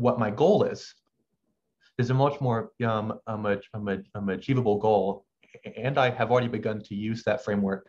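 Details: Adult male medical student who has stuttered since about age six, with pauses in his speech he cannot control; stuttering.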